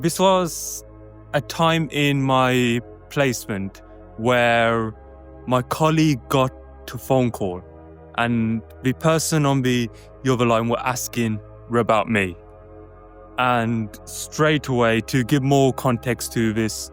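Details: Adult man who describes himself as a stutterer; the finding is stuttering.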